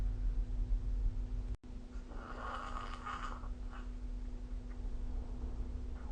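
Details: Snoring during sleep recorded with the SnoreLab smartphone app: a rough, rattling breath sound rising out of steady low room hum.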